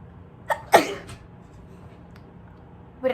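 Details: Person with bad allergies: a brief inhaled catch, then a sharp explosive sneeze, with a further burst starting at the end; repeated sneezing.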